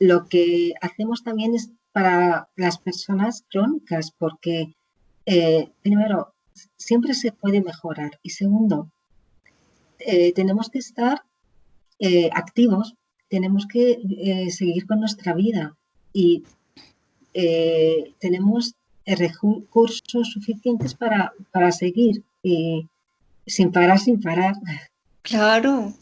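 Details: Aphasia in an adult woman, founder of an aphasia foundation, after a stroke about 20 years ago; Spanish speaker, real patient in chronic stage with ongoing therapy.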